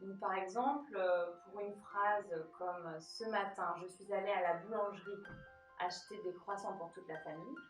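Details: Adult woman; typical speaker (clinician).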